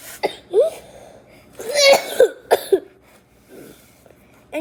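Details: Several short, harsh coughs from a sick girl wearing a mask while playing with slime, in bursts separated by brief pauses in a quiet room; she says she is still sick: cough.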